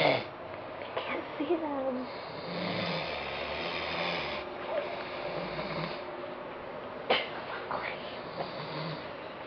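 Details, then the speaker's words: Two sleeping brothers snoring: soft, rattling snoring breaths in a quiet room with an occasional sniff or snort. "They're not snoring good anymore."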